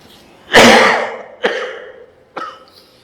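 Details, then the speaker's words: Three quick coughs from an adult speaker with a very hoarse voice who is currently suffering from a cough, a loud harsh first one then two weaker, in a quiet room. "Bapak Ibu, mohon maaf ini suaranya serak banget karena sedang batuk."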